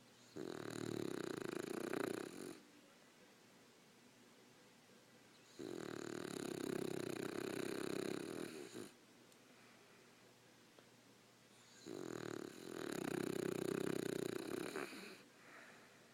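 Three long, rough, buzzing snores about five seconds apart, with quiet pauses between; steady snoring at about twelve breaths a minute.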